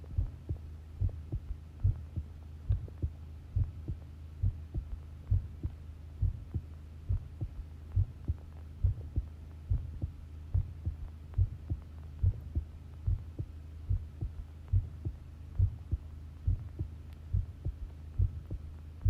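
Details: Long self-recorded heartbeat taken while listening: steady, regular low thumps at about 70 beats a minute over a faint hum; normal heart sounds.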